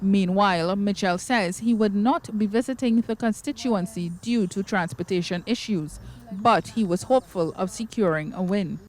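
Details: Adult woman, news narration; Normal speech.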